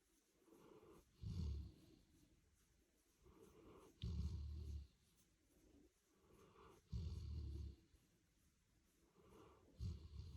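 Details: Golden retriever sleeping next to its owner after a long day at the beach: deep rumbling snores on each breath in, softer breaths out, about 21 breaths a minute; ordinary snoring.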